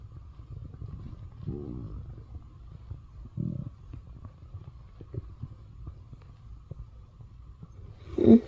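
Low gurgling rumbles and bubbling from the belly, ending in a louder growl; ordinary stomach growling from gas and fluid moving through the gut.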